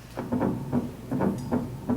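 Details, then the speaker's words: Repeating heartbeat sounds with an extra soft sound just before each main beat, after the P wave: an S4 gallop, associated with atrial problems. "so an s4 is associated with atrial problems okay and that comes after the P wave that has a little different beat so here's see if you can hear"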